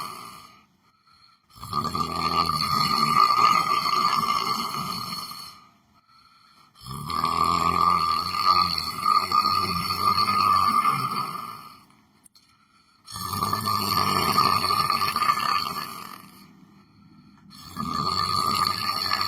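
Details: Person sleeping while sitting on a chair: loud, rattling snores in long breaths about every five seconds, roughly 12 a minute, with quiet pauses between them; heavy snoring in sleep.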